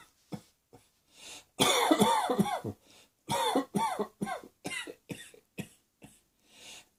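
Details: An adult who describes coughing as usual, an ongoing cough, gives a run of about a dozen harsh, voiced coughs in quick succession with brief breaths between.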